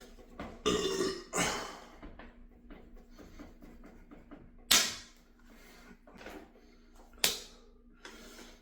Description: for those who like burps 😀